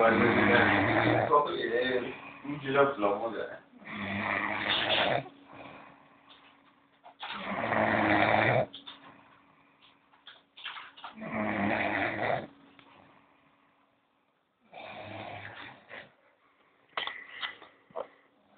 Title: Roncando a full jajaja